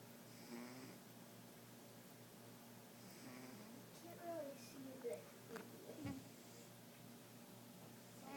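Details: Sleeping cat snoring: soft, rasping snores recur every few seconds against quiet room noise, with a few brief faint squeaks; a cat's snoring during a nap.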